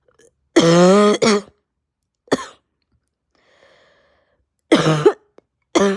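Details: Adult with pounding head, raw sore throat, heavy chest and stuffed nose gives about five loud, harsh, honking bark-like coughs in separate bursts, hacking hard enough to nearly vomit; barking cough.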